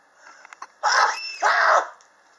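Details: Two harsh, forceful cough bursts in quick succession from a person coughing persistently since summer 2016, still in 2019, unrelieved by medicine; owner blames building temperature changes.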